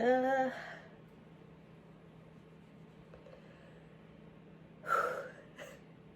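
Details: A short voiced breath-in, then after a pause a muffled, held-back sneeze burst with a small follow-up puff, induced by chhinkni (sneezing powder); a stifled sneeze.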